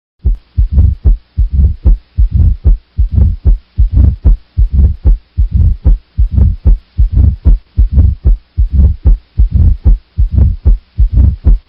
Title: Mitral stenosis heart murmur